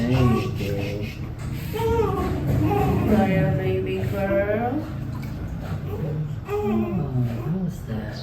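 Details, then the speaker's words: Newborn baby girl in her first week, crying during a bath: repeated wailing bursts with splashing water and adult voices; ordinary newborn cry. "Baby, don't cry. Don't cry, baby girl. Just so quick, baby girl."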